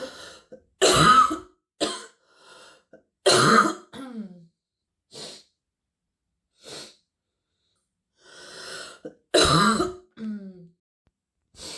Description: compilation of clips of a girl sick with a terrible stuffy and wheezy cold that have given her a very deep barking cough